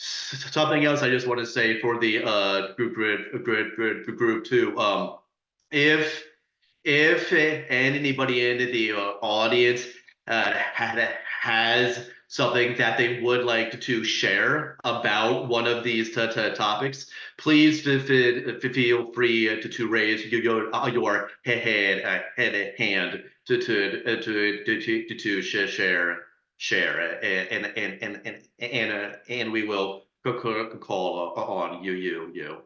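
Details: Adult panelist who stutters, speaking on a webinar about stuttering and dating, with audible repetitions; stuttering.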